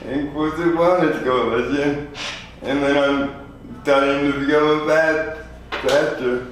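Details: 24-year-old man with lifelong spastic quadriplegic cerebral palsy following premature birth at 2 lb 4 oz; dysarthria (spastic, cerebral palsy).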